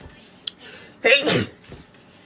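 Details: Daehwi of AB6IX: a quick intake of breath followed by one forceful, explosive sneeze in a small room.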